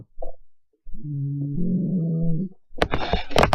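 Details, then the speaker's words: Small female dog snoring while asleep beside the owner: a drawn-out, low, buzzing snore, then brief rustling. The owner says the snoring is getting worse and worse. "Donc c'est ma petite chienne qui est à côté de moi et qui ronfle. Alors écoutez bien, on entend vraiment bien ronfler."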